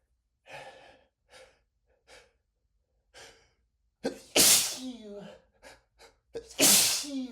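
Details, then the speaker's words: Exaggerated, acted cartoonish sneezing fit: several soft gasping inhalations build up, then two loud explosive sneezes, with repeated apologies ("I've got to sneeze... I'm so sorry") after failed attempts to hold sneezes back with a finger under the nose. "I've got to sneeze. I've got to sneeze. I'm so sorry. I'm so sorry."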